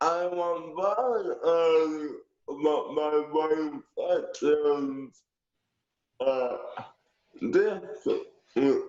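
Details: Wheelchair user born at 28 weeks weighing two pounds 14 ounces, with aphasia, described by a clinician as understanding everything but having a hard time getting his message out; aphasia.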